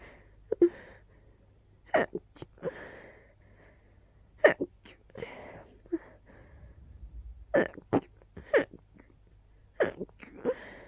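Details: Person sneezing immediately on waking, cause unknown, possibly allergies; run of short, sharp sneezes and catches of breath over several seconds, sneezing bouts.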